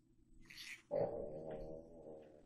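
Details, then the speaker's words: A sleeping female dog, about 8 years old, snoring: a soft airy breath, then a longer buzzing, rumbling snore. "And what you're hearing is my dog snoring, not me making rude noises."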